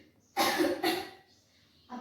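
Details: Voluntary effective-cough exercise by a seated young woman in a simulated nursing role-play for sputum clearance, asked first for a light then a harder cough: a single deliberate, forceful cough in two pushes.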